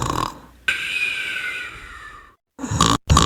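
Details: Cartoon-style snoring sound effect of a sleeping monster in a children's counting game: a loud, drawn-out rasping inhaled snore followed by short snorting bursts; simulated snoring.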